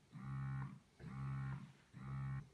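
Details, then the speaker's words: Spectra 9 Plus portable electric breast pump in letdown/massage mode, cycle speed 70 per minute, vacuum adjustable levels 1–5; rhythmic humming motor strokes under a second each with brief pauses. "you should press the little waves button to flick the pump into let down or massage mode when in massage mode the cycle speed will be set to to 70 and you can change your vacuum strength between levels 1 and five"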